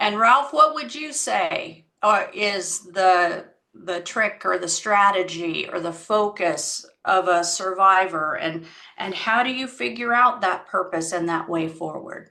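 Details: Adult woman speaking; typical speech.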